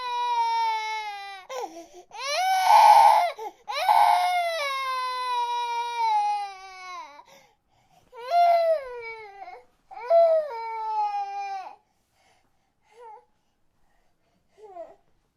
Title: Baby Cry Long - Free Sound Effects